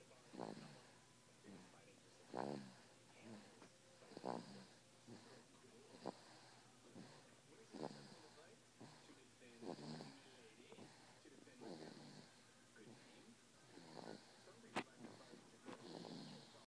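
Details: Small girl snoring in sleep: soft, irregular snuffling snores about one every two seconds with faint whistling tones.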